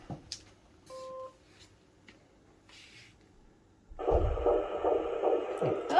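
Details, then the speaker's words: Doppler at a midwife appointment, pregnant woman with rhesus-negative blood: after a quiet room and a brief beep, a fast, strong fetal heartbeat, about 156 per minute; fetal heartbeat. "oh beautiful oh that's a strong heartbeat geez that's about 156"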